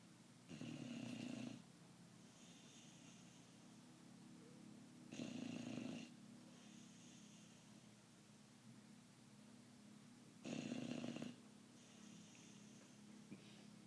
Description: My dog Juggs the American Bulldog snoring.